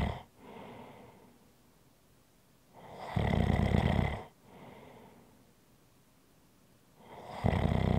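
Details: Ordinary snoring: loud rattling snores on each breath in, with quieter breaths out, about 15 breaths a minute.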